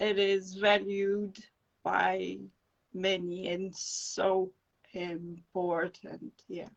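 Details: Adult woman with non-fluent aphasia after encephalitis and an anaesthetic-related brain injury; speech slow and broken, with dropped words when fatigued.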